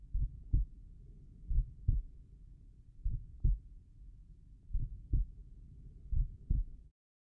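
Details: Heart sounds at the tricuspid valve area: regular paired sounds at about 79 beats a minute over a steady low background rumble; normal heart sounds.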